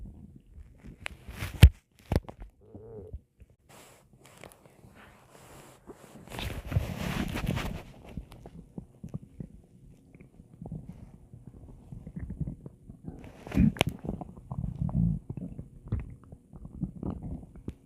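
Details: Low gurgling rumbles of stomach growling come and go over a quiet background with a few knocks; normal digestive borborygmi.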